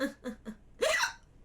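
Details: Three short, abrupt voiced gulps, then a louder hiccup with a sharp intake of breath, from a woman streamer; repeated hiccups.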